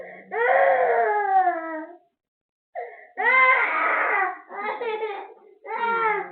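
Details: Fretful drawn-out wails and shorter sobs separated by pauses from a cranky baby who is unwell with cough, cold, mouth ulcers, teething and fever; infant crying.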